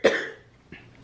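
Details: A woman in her early 30s with cystic fibrosis, whose lungs are affected by Covid, after a rough, sleepless night. She gives one short, forceful cough, then a faint second sound, in a quiet room.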